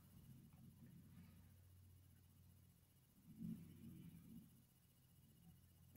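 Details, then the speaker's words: Faint, muffled low rumbling bursts a few seconds apart, heard through a wall from a brother snoring in the next room, quiet against room hiss; snoring. "I'm sorry if y'all can hear that. That's my brother snoring in the next room. Like, that's just ridiculous."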